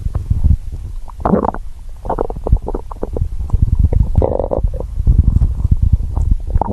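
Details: Hungry person's stomach growling: loud, low gurgling and rumbling with bubbly bursts; normal borborygmi.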